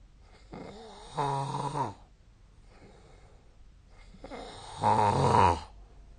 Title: 🐽 2024/12/15 本日のイビキ Snoring Sleep Sound